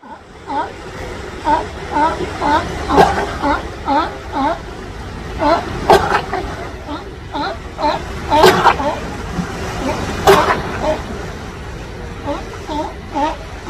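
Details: Big fuzzy-haired sea lion resting on a beach rock near sunset in California, giving several sharp, explosive sneezes amid a steady chorus of barking and honking calls.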